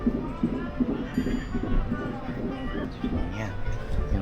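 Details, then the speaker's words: Fetal heartbeat of a baby boy at the first ultrasound of the mother's third pregnancy: fast, rhythmic whooshing beats about 160 a minute under background talk and music; described as okay. "heartbeat. Tunog ng puso."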